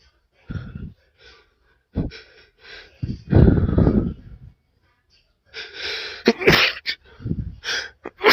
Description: i just sniffed some chhinkni powder and these came out haha, enjoy!